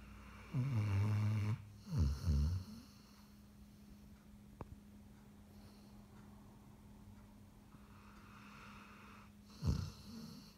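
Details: Sleeping Greater Swiss Mountain Dog snoring: a deep, rattling low snore in two bursts, a quiet pause, then a final snort.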